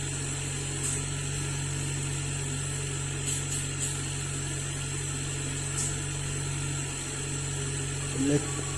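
Steady low motor hum with a constant airy hiss and a few faint clicks: an oxygen concentrator running normally after repair.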